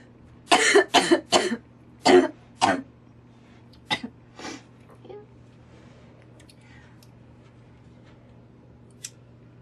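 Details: Girl coughing while smoking tobacco: a run of about seven short dry coughs and throat clearing, fading to quiet room hum.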